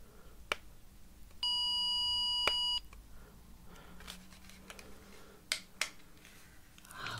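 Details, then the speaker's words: Simulated (ASMR roleplay) pure-tone audiometry test, one ear occluded with a small plug: a very quiet steady high beep over a second, after stepping down to 60 decibels, amid quiet room clicks. "Okay, I'm just going to try a very quiet one. Let me know if you hear this, please."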